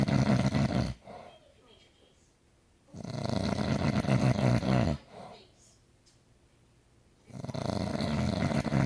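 Loud, rough, rattling snores lasting about two seconds each, separated by quiet pauses, about three in nine seconds. Ordinary heavy snoring.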